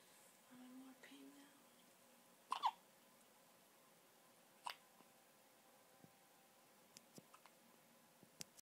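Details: Hiccups: two or three short, sharp catching sounds a couple of seconds apart in a quiet room.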